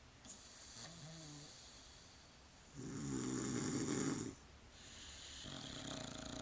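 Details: Snoring from a dog and a man (boyfriend) sleeping.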